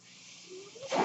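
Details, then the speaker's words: The speaker's own mechanical ventilator, heard while they talk: a steady airy hiss that swells toward the end with a faint rising whine as a breath is delivered. "hello everyone my name is that noise you're hearing is my ventilator and welcome page turners"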